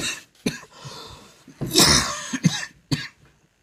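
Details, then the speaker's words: Several harsh coughs in a quick run with throat clearing, from an adult with a cough since a cold on May 5th, three weeks persisting, worst near bedtime, after taking multiple cough medicines; persistent cough. "so hopefully that'll take care of the call because I am just so sick of the cough"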